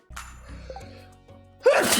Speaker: I sneezed all over my chair